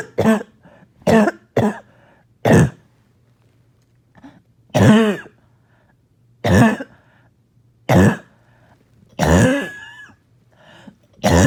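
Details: Repeated harsh, barking coughs with a wet, phlegmy quality come in short bursts separated by pauses, a productive barking cough.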